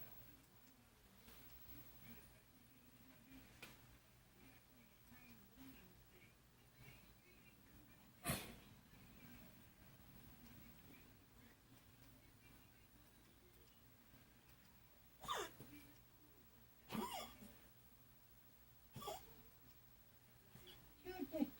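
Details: Pet named Darby with airway inflammation, assessed by tracheoscope and prescribed inhalers by an internal medicine specialist: several brief, sharp cough bursts; chronic cough.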